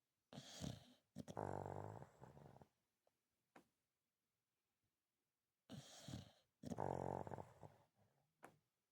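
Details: Dog napping: loud, rough snoring in pairs of long breaths separated by quiet pauses; heavy snoring during sleep.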